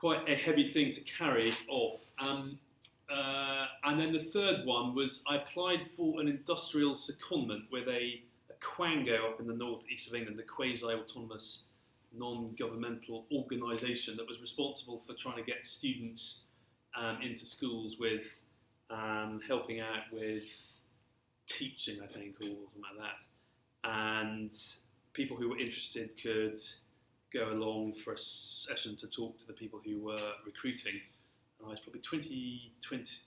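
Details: Stammering since early childhood, persisting throughout his career, in an adult male civil servant.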